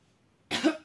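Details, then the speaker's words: Adult woman with a severe cough with phlegm and wheezing, coughing for hours, tickle at the back of the throat as mucus rises: a single harsh, slightly wet cough burst after silence; productive cough. "может какие-то волдырь пузырьки вот этого мокроты и наверное поднимается начинается у меня щекотания"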